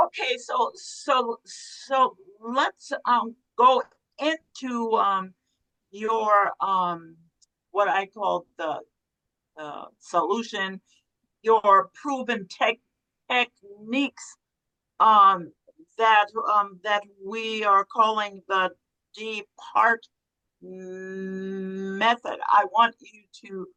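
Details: Man who stuttered and had issues in childhood, with repeated words and fillers; stuttering.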